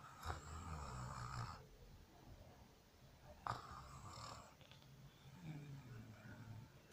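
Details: Soft, low snores from a sleeping dog, with faint whistly breaths between them, about three breaths in seven seconds; snoring.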